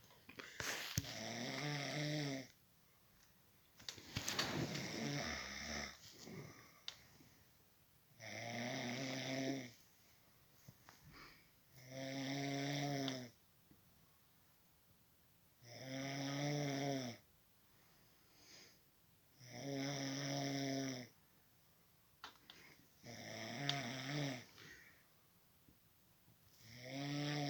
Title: Snoring sound